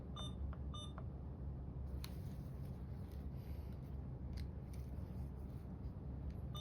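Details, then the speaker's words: Two short electronic beeps from an Alaris infusion pump as primary IV fluid infusion is started after programming, in a nursing demonstration; faint clicks and room hum follow. "Confirm the IV pump display is showing the correct settings. You will open all your clamps and begin the infusion by pressing start."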